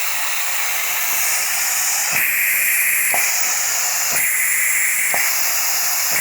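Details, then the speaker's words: DIY Arduino-controlled prototype ventilator (revision 1) using pressure to push breaths and vacuum to exhale, turned to its fastest rate: a steady hiss switching pitch about once a second between push and suction phases. "and this race can be changed like I said before by this guy so I'll turn this as fast as it go"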